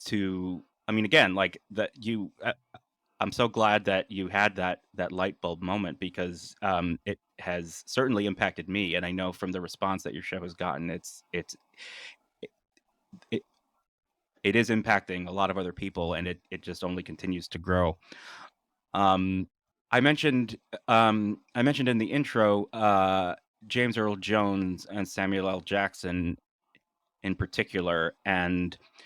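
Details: Adult man with lifelong stuttering, speaking naturally in conversation, with part-word repetitions and fillers; stuttering.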